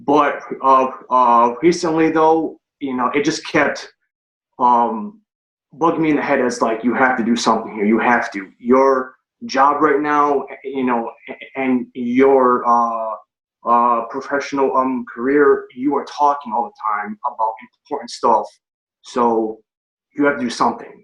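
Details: Stuttering in an adult man, recorded before he started a stuttering-treatment speech program.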